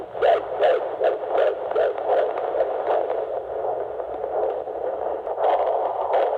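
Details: Fetal heartbeat on Doppler at about 22 weeks of pregnancy (21 weeks 6 days) at an OB-GYN appointment: rapid, regular whooshing heartbeat at about 150 beats a minute, strong and normal.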